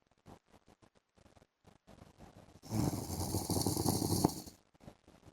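A single rough, rattling snore on a drawn-in breath amid quiet clicking room noise; snoring.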